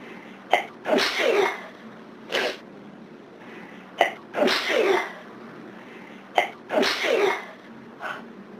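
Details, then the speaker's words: Three sneezes in quick succession, each a sharp inhale then a forceful burst, during a severe hay fever day when the sneezes keep pouring out and won't stop; repeated sneezing. "They're just pouring out of me now. You. Oh, God. Can't stop."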